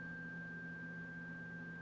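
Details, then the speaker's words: Weber hearing test on a woman with normal hearing, tuning fork struck on a soft surface while she plugs one ear and hears it in the closed ear: steady pure ringing tone. "so it's conducting through the bones of the skull through the temporal bone and into the ear and so through that conduction it's activatin"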